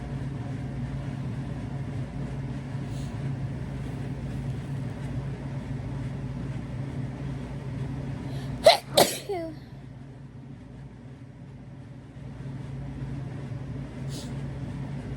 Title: sneezing in bed